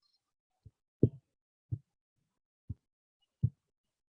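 Dull, low-pitched heart thumps recur about once a second against a quiet background.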